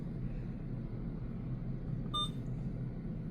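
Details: A single short electronic keypad beep during setup of a 50 mL pediatric syringe on an Alaris infusion pump, over low room rumble; an ordinary key-press tone.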